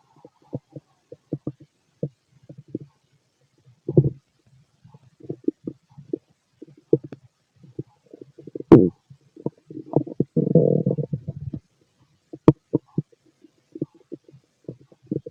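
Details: Male's loud stomach growling: irregular gurgles and low rumbling bursts with a longer rumble partway through; normal bowel sounds (borborygmi) of a healthy digestive system.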